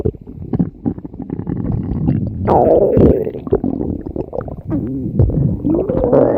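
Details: Stomach growling (borborygmi): loud, continuous gurgling and growling from the belly with squeaky rising tones.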